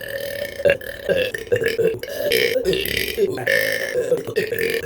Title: 280 burps for 28 subs